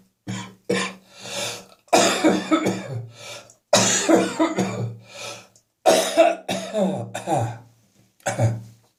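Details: Adult's evening coughing and spitting after coming into a warm house from cold outside air, cough slowly resolving: repeated harsh cough bursts with throat clearing; productive cough bringing up phlegm.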